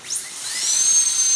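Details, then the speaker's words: Dental surgical handpiece is run with the water on to confirm good water flow during surgical setup. A high-pitched whine spins up and runs steadily, with a faint hiss of water spray. "water is on run your water so you have a good water flow now you can place back water adjustment to your handpiece"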